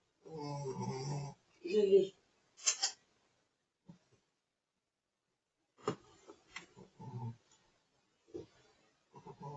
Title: Lilly snoring joys of pekeniese #dogshorts #funnyanimals